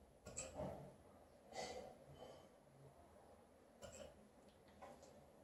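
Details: Female Alaskan Malamute with hiccups: soft, abrupt gulping hiccups about a second apart in a quiet room, each with a short breathy catch.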